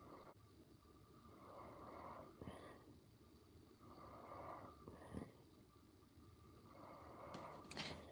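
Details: Man sleeping with a PAP machine: rhythmic, noisy rattling breaths about every three seconds, roughly 21 a minute, over a steady machine hum; snoring.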